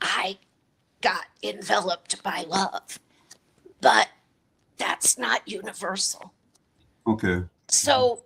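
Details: Dysphonia in an adult woman with a chronic voice disorder.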